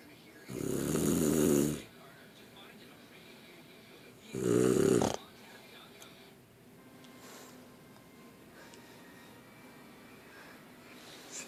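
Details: Person snoring: two loud, rough, rattling snores about three seconds apart, then quiet breathing with faint room noise.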